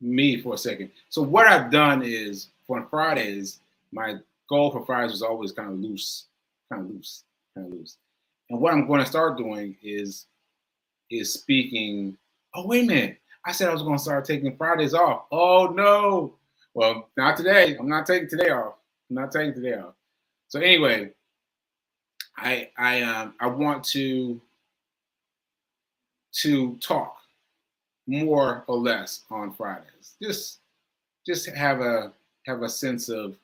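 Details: Adult male stroke survivor with aphasia and self-reported word-finding difficulty, speaking live; aphasia after stroke.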